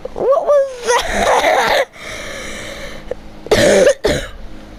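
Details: Gamer who warned of coughing during a Rocket League session: several harsh, throaty cough bursts with a short voiced sound before them and faint room noise.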